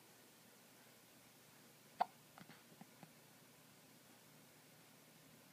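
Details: Person with hiccups while sitting stone still: one sharp hiccup followed by a few faint catches in a quiet room; hiccups.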